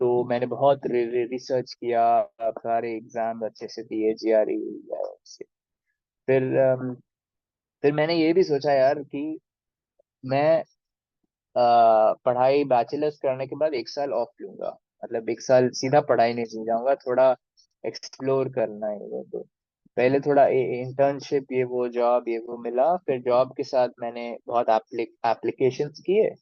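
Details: Adult man who has stammered since childhood, describing his stammering as minor and often hidden; stuttering.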